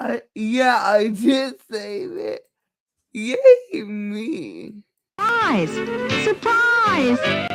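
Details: Dysarthria in a woman with cerebral palsy; she says the cerebral palsy is why she talks this way and that nothing can be done about it; real, not acted.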